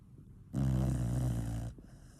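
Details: Sleeping dog snoring loudly, likened to a plow being pulled while the owner stays awake: a single long, loud, deep rattling snore.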